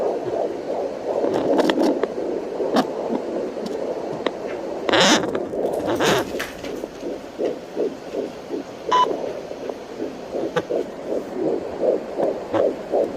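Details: Rapid galloping whooshing pulses through a home Doppler at maximum setting, with scraping from probe movement and baby movement, at 14 weeks of pregnancy; the machine is not registering a number; fetal heartbeat heard on and off.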